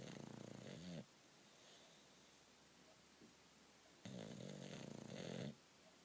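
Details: Bulldog sleeping soundly and snoring: two loud, rattling snores on the in-breath, each about a second long, separated by quiet pauses.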